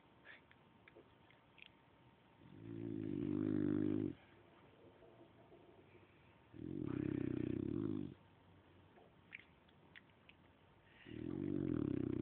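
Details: Snoring, recorded on an Android phone: three long, low, rattling snores about four seconds apart with quiet pauses between, around 15 breaths a minute.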